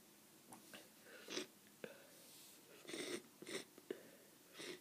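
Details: Several short, muffled sneezes and sniffs into a tissue from a person with a head cold, feeling snotty; some coughing follows; sneezing.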